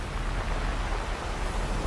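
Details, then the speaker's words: Ocean-wave tinnitus therapy signal from a hearing aid, Boulder Beach, one of four ocean options designed to mimic the sound of the sea; crashing waves used as a tinnitus masker. "दूसरे, उनके पास चार अलग-अलग महासागर तरंग चिकित्सा संकेत हैं, जिन्हें समुद्र की आवाज़ की नकल करने के लिए डिज़ाइन किया गया है।"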